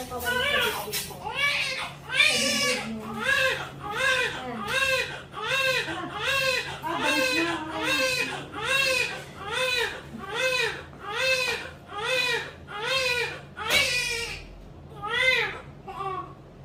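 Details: Strong, rhythmic crying from a newborn just after a normal vaginal birth, about 13 cries in 16 seconds with quick breaths between them: vigorous newborn cry.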